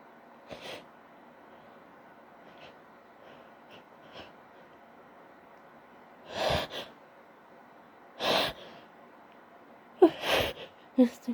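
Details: Female sneezing while high (intoxicated): soft breathy build-up breaths, then about four forceful sneezes, each preceded by a sharp intake.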